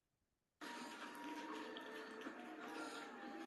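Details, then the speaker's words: Dog with chronic cough, veterinary lecture example: one long, harsh, high-pitched whistling breath lasting about three seconds; inspiratory stridor. "Realmente en este caso estamos teniendo a dos pacientes con dos sonidos que podrían este uno si es y el otro es un estridor inspiratorio."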